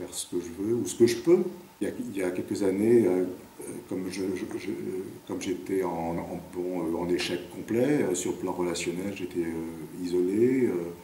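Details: 58-year-old man who has stuttered since about age 4, with speech blocks: stuttering.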